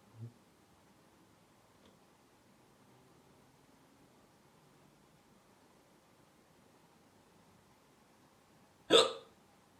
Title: My hiccups